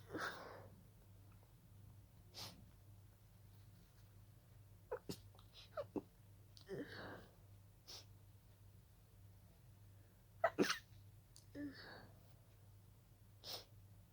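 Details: Run of about eight short, breathy, stifled sneezes with quiet breaths between; a sneezing fit that started as a pollen allergy.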